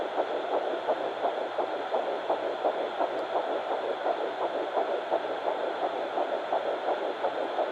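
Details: Fetal Doppler at 9 weeks 6 days, Baby A found on mother's left side after days of searching: rapid, regular whooshing pulses over hiss, about 170 a minute, fetal heartbeat.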